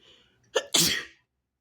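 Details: Induced sneezing: a brief sharp intake followed by one explosive, hissing sneeze; single sneeze.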